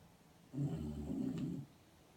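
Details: A single low, rumbling snore of about one second in a quiet room; snoring.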